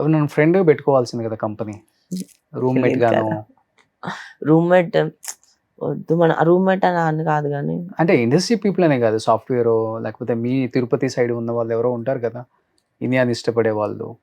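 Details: Adult speaker; normal voice.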